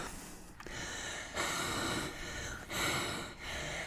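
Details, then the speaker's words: Labored, harsh, noisy breathing in and out through a tracheostomy tube with the cuff deflated, in a ventilator-dependent patient with tracheal stenosis and tracheal pain, exhausted after a long day out; normally needs the cuff inflated for full ventilatory support. "When I get home, I have to keep the cuff on my tracheostomy tube inflated. Here is my cuff, and here is my syringe. And when I inflate the cuff, I receive full ventilatory support. Because as you can see, I can’t breathe"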